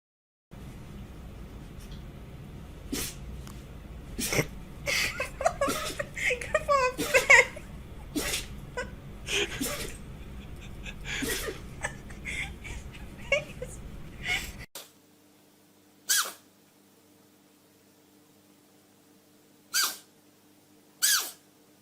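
Several short, sharp sneeze bursts from small animals, with background room noise and music early on.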